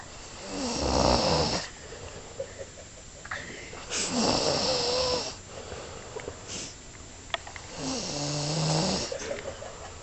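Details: Snoring in someone who is sick: loud, rattling snores on each breath in, about 16 a minute, with quiet breaths out between them.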